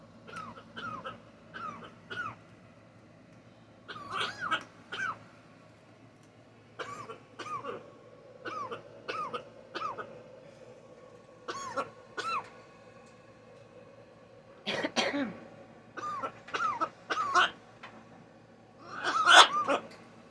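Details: Female macaw; the owner wonders whether she was sick: repeated short, cough-like bursts, some squeaky and tonal, in a quiet room; a cough-like vocalization.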